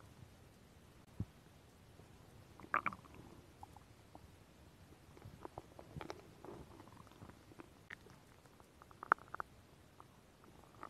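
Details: Adult woman's stomach growling, ASMR recording: scattered gurgles, clicks and soft rumbles of ordinary bowel sounds (borborygmi).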